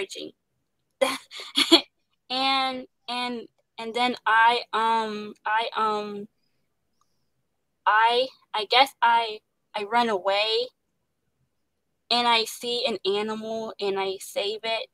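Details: Young woman actress who stutters, with word repetitions and interjections; stuttering.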